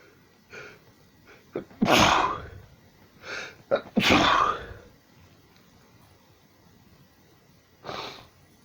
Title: Sneezing non stop like a nutcase